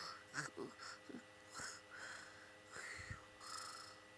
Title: There is never too much cat on YOU TUBE! Reloaded! Cassy can sleep everywhere!!! And snore!!!